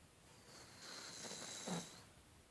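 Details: A soft, airy snoring breath ending in a brief low snort from a sleeping, apparently dreaming dog; snoring.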